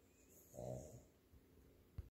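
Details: A sleeping dog gives one low, rough snoring breath with a snort near the end: snoring.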